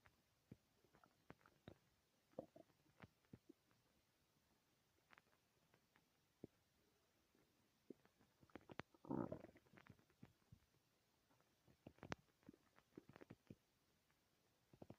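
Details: Loud stomach growling in a quiet room: scattered gurgles and squeaks and one louder drawn-out rumble; borborygmi.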